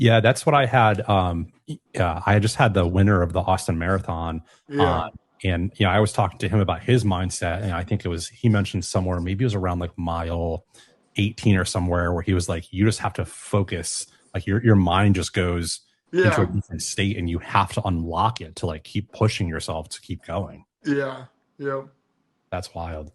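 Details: Adult male speaker in conversation; ordinary conversational speech.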